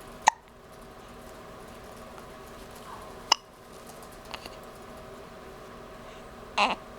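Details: Baby girl's hiccups: sharp isolated hiccup clicks about every three seconds, with a brief soft baby sound near the end, over quiet room noise.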